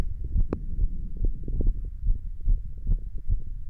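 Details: Heart sounds heard while standing, fast and fairly regular at roughly 70 paired beats a minute, with some rubbing and body noise; normal heart sounds.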